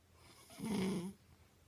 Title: Snoring mother😂